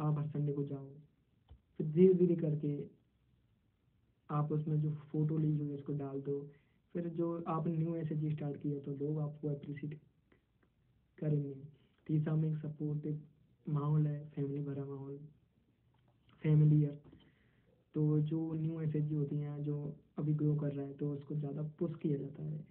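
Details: 22-year-old who stammers, a member of a stammering self-help association, answering interview questions in Hindi; stuttering.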